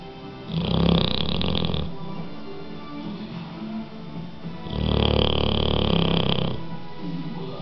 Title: bulldog bikkel snoring